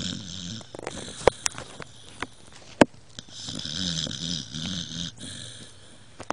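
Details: Loud, drawn-out heavy snoring from a sleeping dog, with a few sharp knocks in the room. The dog is no longer allowed in bed because he snores too loudly.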